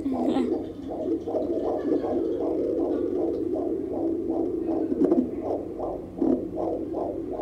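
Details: Fast, steady, regular and strong whooshing pulses of a fetal heartbeat picked up by Doppler at a pregnancy follow-up visit.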